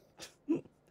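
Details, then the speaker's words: A single sneeze heard faintly from upstairs in another room during a podcast, a burst of breathy noise then a short voiced, almost yelping, dog-like sound; sneeze. "is sneezing upstairs and it's so loud i hear it bless you i thought it sounded it sounded like a dog for a minute"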